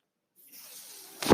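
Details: Speaker's own mechanical ventilator heard while talking on a podcast: brief silence, then a soft steady airy hiss ending in a louder rush of air as a breath is delivered.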